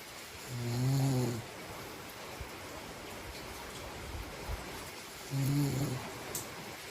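Two short, low, buzzing snores about five seconds apart over steady hiss: ordinary snoring during sleep.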